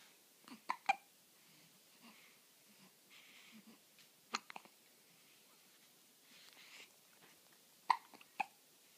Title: 1 week old twins have hiccups